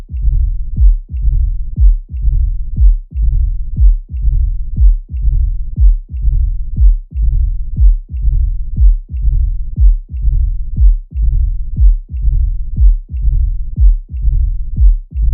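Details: Mitral stenosis: regular heartbeat at about 60 per minute with an opening snap and a low, rumbling mid-diastolic murmur filling diastole, reflecting impeded flow from left atrium to left ventricle.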